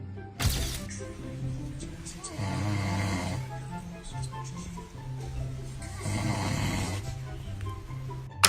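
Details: A sleeping adult father snores loudly beside a baby: two loud, rough snores about four seconds apart, partly masked by background music.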